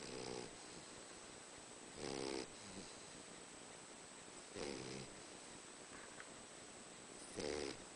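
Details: Boxer dog snoring like a human: slow, rough, rattling snores about every two and a half seconds over steady room hiss; snoring.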